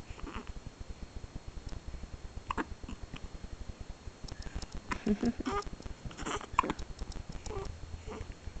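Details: Brief abrupt catching sounds and small squeaky noises from a 1-month-old baby boy with hiccups.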